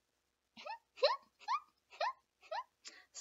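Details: Squeak vocal tic in an adult woman with Tourette syndrome.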